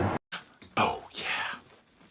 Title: COUGHS in Reporters Face....🔕🔕🔕